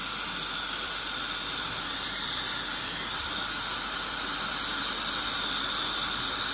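Steady loud hiss with a high whine throughout: dental scaling and air-polishing instruments running during a cleaning.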